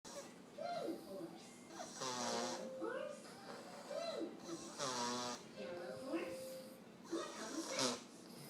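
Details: Toddler boy asleep at the dinner table, snoring: rough, rattling breaths recurring every few seconds, with voices in the background.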